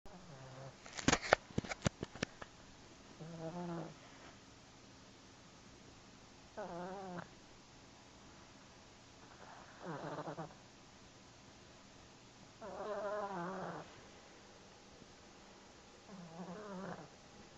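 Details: Cat snoring in its sleep: soft, short rumbling bursts about every three seconds, after a few sharp clicks at the start.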